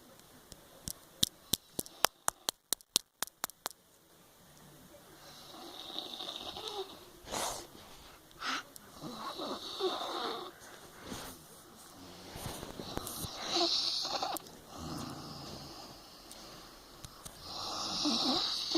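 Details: Sleeping mother snoring, recorded by her 3-year-old child: after a few sharp handling taps, noisy, rough breaths repeat in an uneven rhythm.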